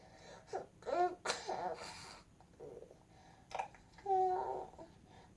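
A young child gives a couple of short, harsh coughs between babbling voice sounds in a small room.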